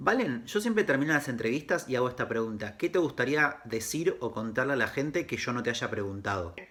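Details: Adult male speaker, Spanish; ordinary speech.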